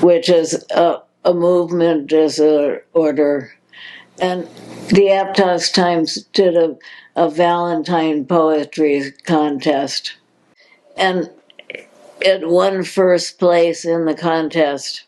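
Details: Progressive supranuclear palsy diagnosed in 2020, a progressive neurological disease with no cure, in an adult woman; dysarthria with word repetitions.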